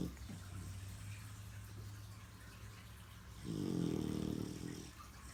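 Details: Unexpectedly loud snorer during sleep: a soft low rumble, then one loud, rattling snoring breath lasting over a second; snoring.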